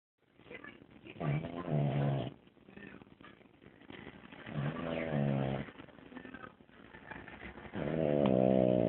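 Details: Sleeping pet snoring, recorded on an Android phone: repeated low, rough, buzzy breaths with some nasal whistling.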